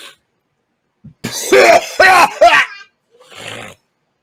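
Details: Man coughing during a sour pickle balls eating challenge: several harsh, explosive coughs in quick succession with strained voiced sounds and a throat-clearing breath afterward, then talk of throwing up.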